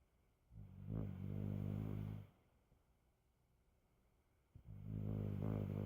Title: snoring